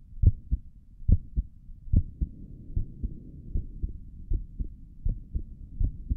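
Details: Heartbeat heard through a stethoscope on the chest for an ASMR recording: steady paired low thumps at about 70 beats a minute, regular rhythm, no extra sounds; normal heart sounds.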